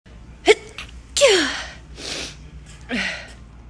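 Sharp intake of breath, then a loud explosive sneeze followed by a few softer blowing exhales; a single ordinary sneeze.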